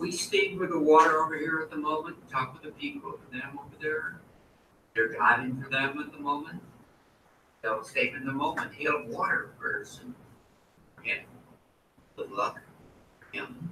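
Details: Man with Wernicke's aphasia after a stroke, producing fluent but meaningless words that do not answer questions, unaware of his errors; stored phrases remain intact; Wernicke's (fluent) aphasia.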